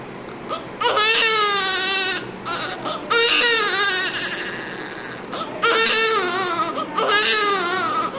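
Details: Healthy newborn baby crying just after birth: loud, strong, repeated cries with clear pitch and steady voicing; vigorous newborn cry.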